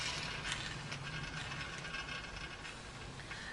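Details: Suction tubing being cleared by vacuum after oral suctioning in a clean (non-sterile) procedure with intermittent suction: steady rushing hiss with irregular rattling and clicking; suction tubing noise.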